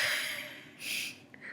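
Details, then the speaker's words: Adult woman having an asthma flare from allergy to her dog. Close-miked, labored breaths out and in with a faint whistling edge: wheeze. "So if I sound like I'm having labored breathing, that's why. It's because I can't fucking breathe. You can hear me wheeze."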